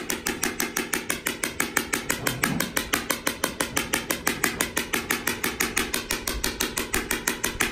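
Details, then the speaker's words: Extracorporeal shock wave therapy on a lightly sedated mare's healing skull fracture, probably from a kick, 500 shocks to a small area; rapid regular sharp clacking pulses about 120 a minute; shock wave device. "once we start the treatment it's pretty noisy the treatment is based on number of shocks typically horses get a thousand to 1,500 shocks because we're treating a very small area today Koko's just getting 500 shocks"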